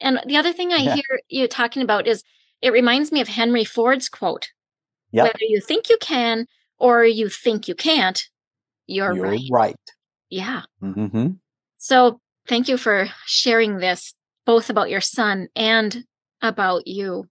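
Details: Adult speaker; typical speech.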